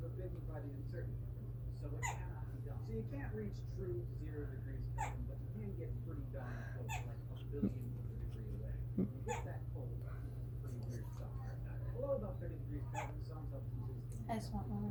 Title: Baby with hiccups